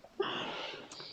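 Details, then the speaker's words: Flann, a cat, snoring while asleep: a single soft, airy, whistling breath; a light snore. "Can you hear Flann? Listen! Can you hear him? He's snoring away! He really is!"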